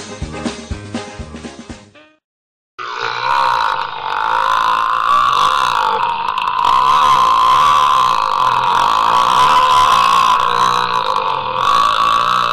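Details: After brief music and a pause, one very long, loud, wavering belch lasting about ten seconds; the clip was made in about three minutes, so it may be edited: burping.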